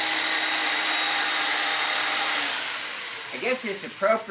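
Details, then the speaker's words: Loud drill-like buzzing whine, fading before voices, of a motorized chiropractic instrument worked on the spine of a patient with residual thoracic kyphosis to break up muscle scar tissue and adhesions. "to have a instrument that actually sounds like we're doing construction because that's exactly what we are doing is reconstruction of the spine called spinal remodeling"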